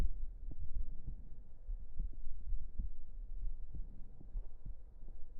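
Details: Close-up heartbeat sounds recorded for relaxation ASMR: soft, low, muffled thumps repeating steadily under a low hum; ordinary normal heart sounds.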